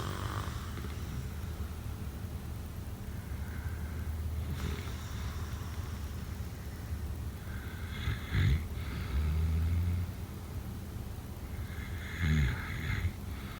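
Quiet, steady low rumble with a few short, throaty snorting bursts on the in-breath about four seconds apart: snoring during sleep.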